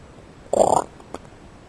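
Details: Single brief, loud gurgling rumble from a person's belly, then a small pop; ordinary stomach growling.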